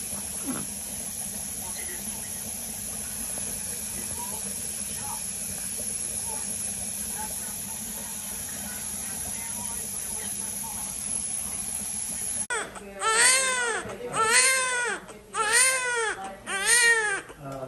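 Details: Loud running water and hiss, then rhythmic high-pitched wailing cries, about four in five seconds, from a one-day-old newborn girl during her first bath in hospital; a healthy newborn's normal cry.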